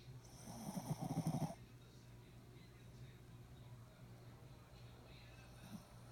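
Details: Snoring: one loud, rattling snore on an inward breath, followed by several seconds of quiet breathing with a faint stir near the end.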